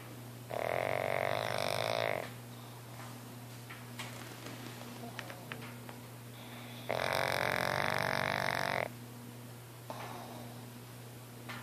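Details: Snoring hard while napping: loud, rattling snores lasting about two seconds each, with quieter breathing between and a steady low room hum; snoring.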